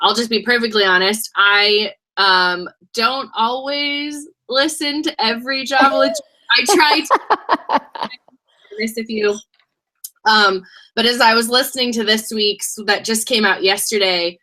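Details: Adult woman with a lisp after glossectomy (loss of her tongue); she says the lisp is very obvious to herself and others.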